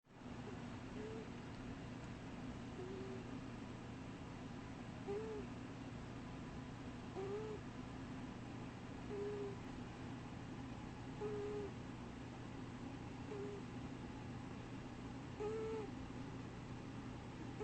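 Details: Sleeping, dreaming cat wheezing: short, high squeaky whistle about every two seconds on its breaths.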